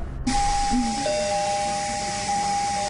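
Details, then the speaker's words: Ventilator sound in the ICU from a COVID-19 patient with respiratory failure whose lungs can no longer deliver enough oxygen: steady electronic tones over a soft equipment hiss as the ventilator moves air in and out. "that sound you hear is a patient at suny downstate struggling to breathe their lungs no longer able to deliver enough oxygen to keep their bodies going a ventilator moves air in and out of their lungs"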